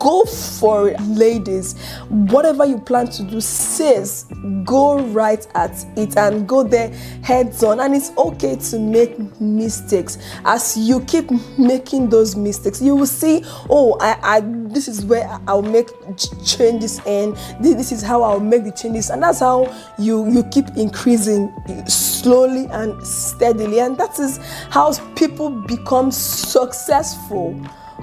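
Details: Stuttering in an adult woman who says she has a stutter.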